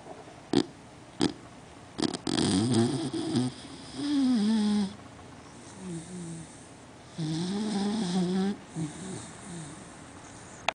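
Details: Beagle snoring loudly while sleeping, sometimes loud enough to wake herself: loud rattling snores with squeaky, whistling breaths between, over some sharp knocks.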